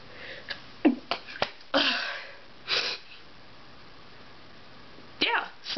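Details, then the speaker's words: Person deliberately stifling a sneeze, who says they need their whole face and cannot do it with eyes open: several short sniffs and muffled bursts, then one held-back sneeze; stifled sneeze. "I don't think I could stifle or sneeze with my eyes open that's just weird I got it's like I need my whole face to hold it back"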